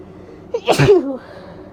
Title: Barking Cough & Bronchitis Sneezes (F)